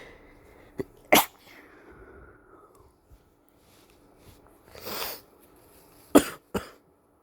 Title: Flu? Lots of exhausted sneezing (M)